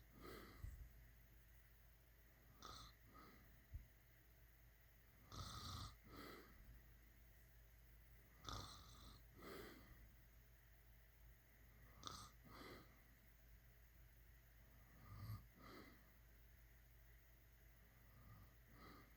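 Repeated noisy breathing sounds about every three seconds over a steady hum, fitting snoring at roughly 19 breaths a minute.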